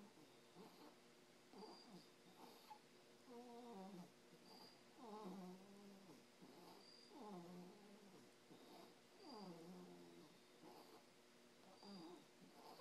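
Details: Soft, wavering, whistling snores with each breath, about thirty a minute, over faint room noise; snoring.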